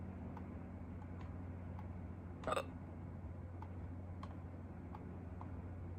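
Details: One sharp, brief throat catch over a steady low room hum, in a person who had hiccups for the first time in a long time; a single hiccup.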